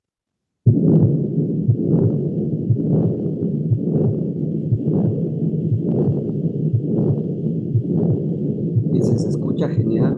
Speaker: Estos, pues, como su nombre lo dice, se refieren a los soplos que van a ocupar tanto la sístole como la diástole y se considera que aquí ambas partes van a estar separadas por el segundo ruido.